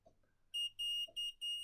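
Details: Four high, steady electronic beeps in a row from a wireless Omnipod patch insulin pump used for type 1 diabetes, alerting that the pod needs changing.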